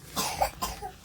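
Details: Child coughing: two short, dry cough bursts close together.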